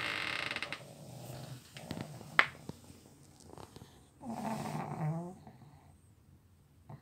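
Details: Sleeping dog snoring so loudly it is likened to a tractor: low, rumbling snoring with some room noise.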